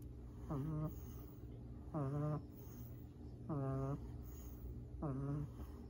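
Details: Two sleeping baby black pugs snoring: short, nasal, slightly whistling snores repeating about 40 times a minute over a steady background hum.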